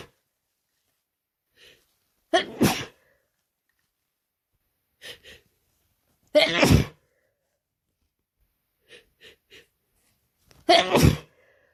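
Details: Three forceful wet sneezes, each preceded by short catching inhalations; increasingly desperate, messy sneezing from a non-binary adult with a cold caught at fall school start, ongoing two days.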